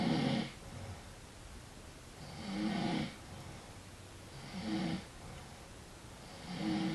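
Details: Man snoring while insisting he is not asleep: regular rough noisy snores about every two seconds, near 28 a minute, over steady background hiss.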